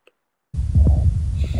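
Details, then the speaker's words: Stethoscope auscultation of a dog with mitral valve leak: low heart thumps with a steady whooshing murmur between beats, mitral regurgitation, common in middle-aged to older dogs. "this is a dog who has a leak across the mitro valve in the heart which is as we'll talk about later a very common cause of heart murmur in middle-aged to older dogs what you'll hear is a sh kind of sound a wishing sound between the heart"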